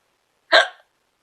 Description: I keep trying to tell a story about a ghost in my house, and can't get rid of my hiccups!